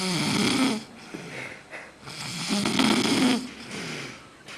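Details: Person sleeping off a night out drinking in San Jose, Costa Rica, snoring loudly: rattling snores on each indrawn breath with a throaty vibration and brief pauses between breaths. Heavy drunk snoring.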